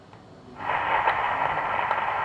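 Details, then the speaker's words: Doppler ultrasound at the anastomotic site of an arteriovenous fistula (arteriotomy about 2.5 mm): loud continuous whoosh with faint pulsing peaks, high-flow signal, peak systolic velocity around 400, significant. "so this is a high flow fissure the psv is around 400 so this is a significant psv"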